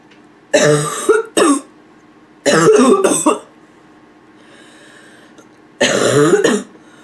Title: Hoarse barking cough